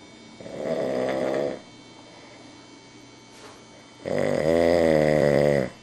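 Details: Dog snoring while asleep: two drawn-out buzzing, vibrating nasal breath sounds with a quiet pause between them; snoring.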